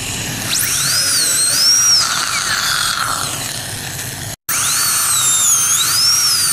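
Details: High-pitched whining high-speed dental drill rising and falling in pitch as it cuts, during crown abutment preparation using a gingival protector, faint background music.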